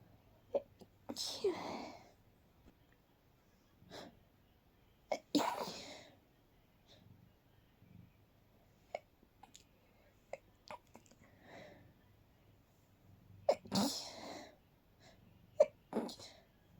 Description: I had to sneeze sool badd!! But I had to be quiet so no one woke up.